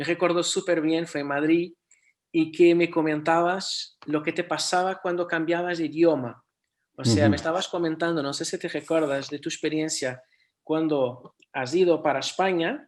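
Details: Adult speaker; typical speech.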